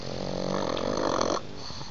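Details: Pug snoring and waking herself: a single loud, rough, rattling, buzzing throaty snore lasting over a second that stops abruptly.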